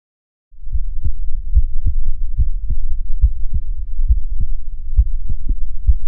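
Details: Own heartbeat recorded with a DIY electronic stethoscope, a microphone attached to the stethoscope head, connected to a phone or computer: steady paired heart thumps at about 70 a minute over a low rumbling background; normal S1 and S2.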